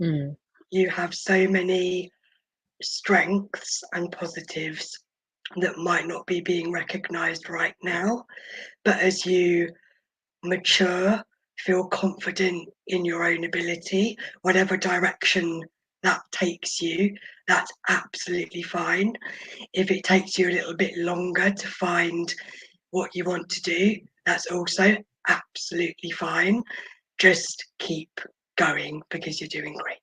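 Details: Adult woman born at 26 weeks weighing 430 g who spent about 5 months in the NICU, mostly on a ventilator with oxygen; she has vocal cord paralysis caused by the ventilation; vocal cord paralysis.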